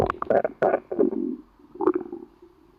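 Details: Low, gurgling, rumbling growls in several bursts from a hungry, empty stomach; ordinary hunger noises (borborygmi).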